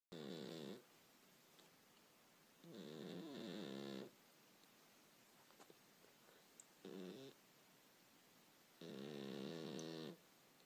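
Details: Sleeping male cat snores in four rough, buzzing bursts over about ten seconds, with quiet pauses between them.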